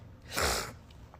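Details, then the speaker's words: Person with allergies and runny nose during a recurring sneezing fit, describing a tickling, irritating feeling: a single forceful sneeze with a sharp, hissing burst of air. "It goes in and out. Like I can feel it tickling. It's It's so irritating."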